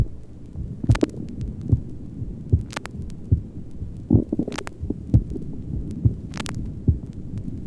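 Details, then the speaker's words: Normal heart sounds from a healthy 23-year-old male with no heart disease, recorded at the apex in late afternoon while hungry: regular low thumps at about 72 a minute with gurgling bowel sounds mixed in. "for comparison a heart sound tracing is taken from a normal 23 year old male who has no history of heart disease and is perfectly well"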